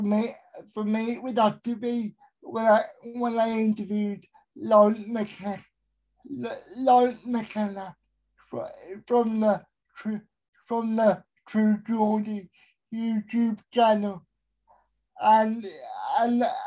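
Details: Adult male with a severe type of cerebral palsy; dysarthria in cerebral palsy.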